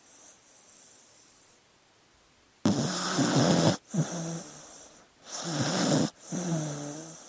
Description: One hour of sleeping dog noises.